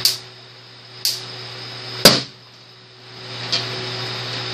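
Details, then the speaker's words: Tattoo removal laser demonstrated popping balloons, not on skin: sharp snapping pops roughly one a second over a steady room hum, louder than when fired on skin. "there we go again a little louder obviously it's not that loud on your skin"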